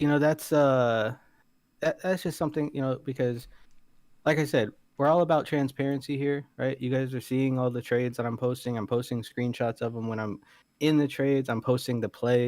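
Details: Adult male speaker; Normal voice.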